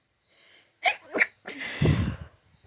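Two quick catching breaths, then a forceful explosive sneeze with a trailing rough exhale, typical of an allergic sneeze.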